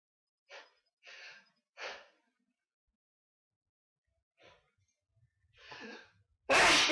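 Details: Repeated ordinary sneezing: several short, breathy sneeze bursts separated by pauses, ending in a loud, forceful burst.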